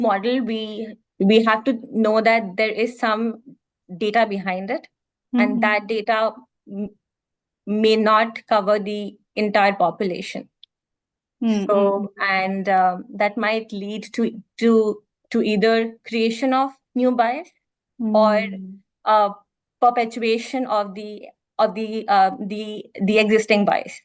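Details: Stuttering (stammering) in an adult woman, real speech; she reports blocks more pronounced on vowels than consonants, felt as a catch in the throat.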